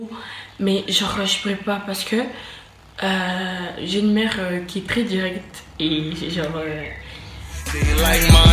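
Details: Stuttering in a French-speaking woman who says she stutters.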